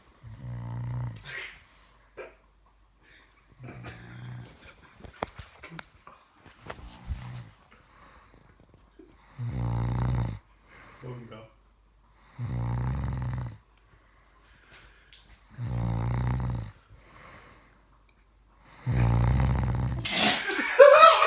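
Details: Adult man who passed out asleep at a friend's house, snoring: regular low, rumbling snores about every three seconds, roughly 20 a minute, in a quiet room.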